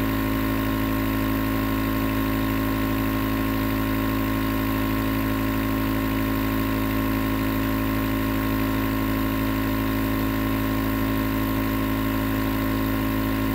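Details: A nebulizer compressor runs continuously with a steady mechanical hum and buzz; recorded as white noise for sleep and relaxation.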